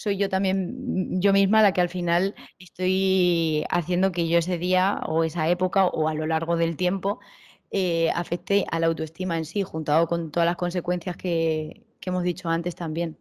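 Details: Adult woman speaking Spanish; typical speech.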